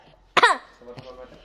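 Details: Child's cough, a single short voiced cough burst followed by faint vocal sounds and room noise; child says she is sick.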